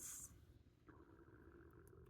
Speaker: Ooh, my tummy, I hope you didn't hear that. I need to eat lunch. That was loud.